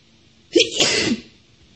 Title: sneezing (f) - first time...